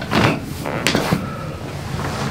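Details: Chiropractic spinal adjustment after deep breath out, head turned right: several quick cracking pops in a burst over room hum; joint cavitation.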